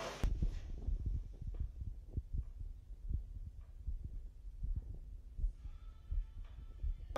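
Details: Footballer's heart at rest during a pre-participation physical exam, pulse 79 and oxygen 98%: steady low thumps at about 80 beats a minute through a stethoscope with some rubbing noise; normal resting heart sounds.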